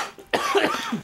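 One harsh, forceful cough burst with a rough, throaty tail; a plain cough in a small room.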